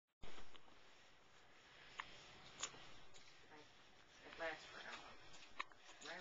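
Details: A few soft, abrupt catching sounds over quiet room noise; hiccups, possibly an infant's.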